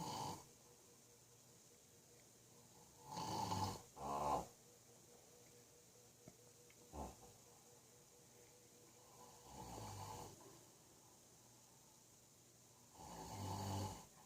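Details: Irregular loud rattling snores and snorts at uneven intervals, some in quick double bursts, over faint room hum, from a sleeping adult father; snoring.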